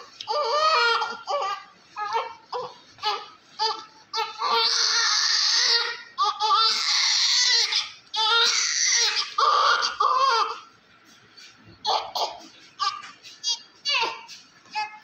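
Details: Small newborn male baby delivered by LSCS (caesarean), covered in vernix, crying vigorously in irregular loud bursts with short pauses; newborn cry after birth.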